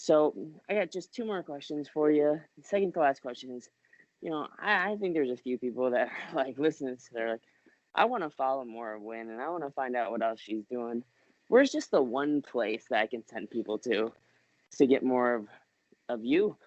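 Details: Adult male speaker; ordinary speech.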